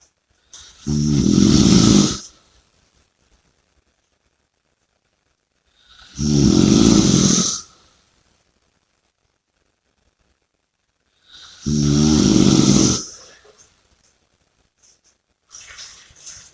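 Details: Loud, rumbling snores on each in-breath about every five to six seconds, roughly 11 a minute, with silence between; snoring during sleep.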